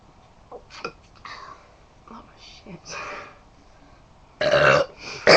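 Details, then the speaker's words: Deliberate burping during a burping contest drinking Pepsi: quiet talk and small sounds, then a loud forced belch near the end. "okay we're gonna have a burping contest we've got Pepsi product placement and we got this to see we can burnt the loudest"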